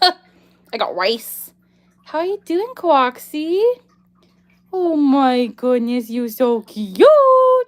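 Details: Vocal tic in a girl with Tourette syndrome: a recurring phrase acquired through echolalia, produced in an imitated nasal voice rather than her own.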